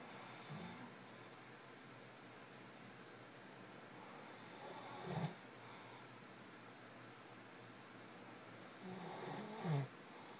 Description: This is for those people that say my husband's snoring can't be that bad that it keeps me up at night.